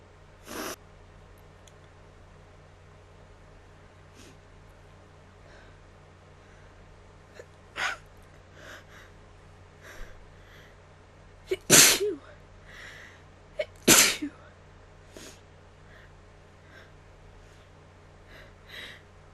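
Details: A bout of repeated, deliberately recorded sneezing: several sharp, forceful sneezes with gasping intakes between them, two especially loud; the sneezer describes them as really strong and the nose as still itchy.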